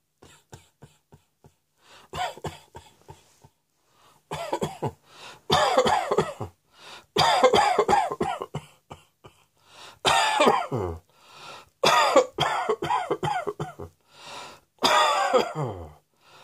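Repeated harsh coughs in clusters of several bursts with short pauses, continuing throughout; a persistent coughing bout.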